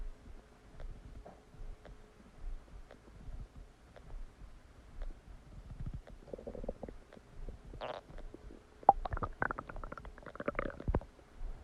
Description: Massive stomach digesting sound after eating a cheeseburger!